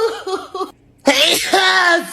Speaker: I need to sneeze.